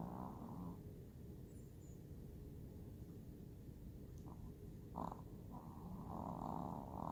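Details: Smidgy, a pet dog, sleeping and snoring: low, rattly snores with soft snorts through the nose over a steady low room hum; ordinary dog snoring.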